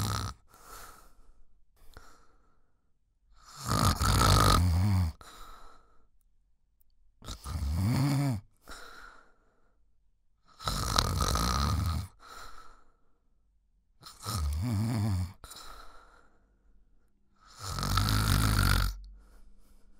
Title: 1 Hour Snoring Sound - Relax, Fitness, Workout, Background Music